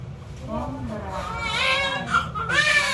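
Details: Newborn baby girl's cry just after vaginal delivery, the cry rising and strengthening, with faint room noise.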